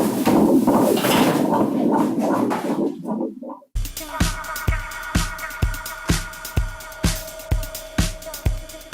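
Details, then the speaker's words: Obstetric ultrasound of a fetus with placenta in good position: after a burst of music, regular fetal heartbeat pulses at about 128 a minute, a normal fetal rate. "vemos el líquido todo lo que es negrito es líquido entonces vamos a escuchar sus latidos"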